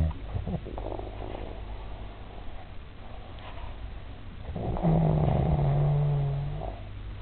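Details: Snoring in an adult man during sleep: rough, low breathing noise rising to a sustained buzzing, droning snore on the in-breath.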